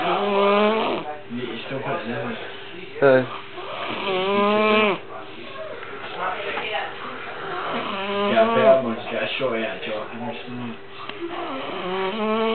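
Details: Loud rattling snores with a strong buzzing tone from a sleeping man, recurring irregularly over steady background hum and music; snoring.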